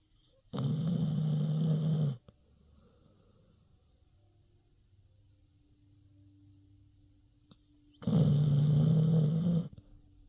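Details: A sleeping dog snoring: two loud, low, buzzing snores about seven seconds apart, with quiet breathing between them.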